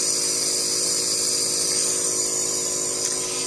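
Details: Nebulizer compressor running with a steady, high-pitched mechanical whir and hiss, treating a toddler girl with pediatrician-diagnosed bronchiolitis; she received albuterol and ipratropium bromide vials, and the doctor still heard some wheezing after three days.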